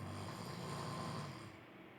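A single low, rough, rumbling snore that fades at the end of the breath.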